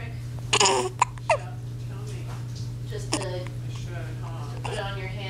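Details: Baby boy hiccuping for about a minute, unrelieved by sips of water upside down: short abrupt repeated catches with a steady low hum in the room.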